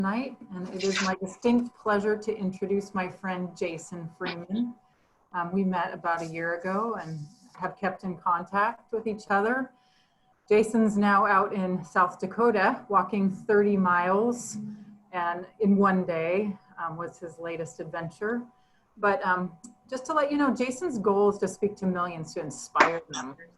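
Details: Adult woman; normal speech.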